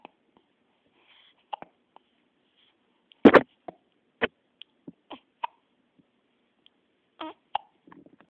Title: Hiccups!